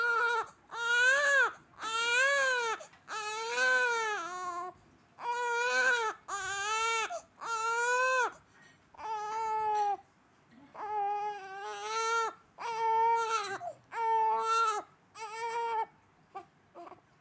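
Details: One-month-old infant: rhythmic, high-pitched wailing cries in repeated bursts with brief breaths between, in a quiet room; ordinary infant crying.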